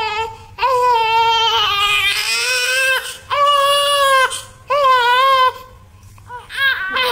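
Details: A newborn baby boy cries in loud, high, sustained wails in repeated bursts with breaths between.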